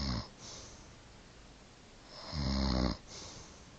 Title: Grandma snoring